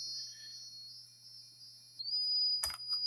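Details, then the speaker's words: Dolphin Neurostim pain-management stimulator set to negative and switched on: a steady high electronic tone shifts pitch partway through, then a brief click, as the device circuit is tested. "you're going to take the dolphin neuros stem you're going to put it on the negative setting we're going to turn it on when you turn it on if you have it on properly and I don't so you can test it by doing"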